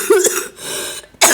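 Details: Two short, harsh cough bursts from an adult who says they are sick, a second apart, in a quiet room while playing a video game.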